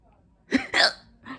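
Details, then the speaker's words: A single loud, abrupt voiced gulp with a sharp onset; a loud hiccup in a woman. "Ooh, they're here. My hiccups are here. So, yeah, guys. My hiccups just arrived. Oh my gosh. These are loud hiccups."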